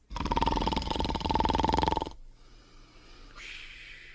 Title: Potsworth Sleeping and Snoring in 43 seconds